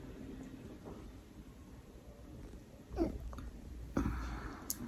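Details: Hiccups, likely in a dog: two abrupt, low, jerky gulping sounds about a second apart over quiet room noise.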